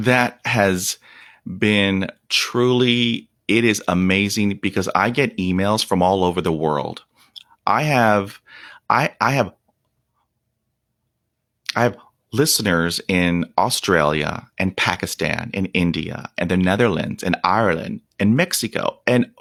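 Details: Stuttering in a 48-year-old man, stuttering for 43 years since onset at age five after a dog attack (shock/trauma), with blocks, trouble on S, H and P sounds, facial tics and not breathing during blocks; unedited speech; stuttering.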